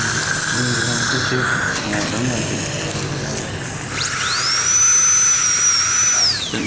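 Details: Tooth preparation (abutment grinding) using a gingival protector for a cosmetic restoration: hissing water spray and brief voices, then a high-speed dental drill spins up to a shrill steady whine and winds down.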